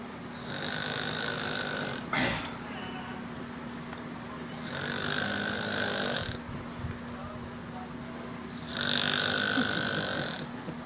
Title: A snoring friend